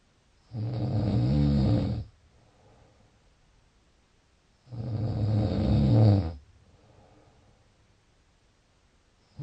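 Two long, low, rattling snores on breaths in, with quiet breaths out between, about 14 breaths a minute; ordinary loud snoring.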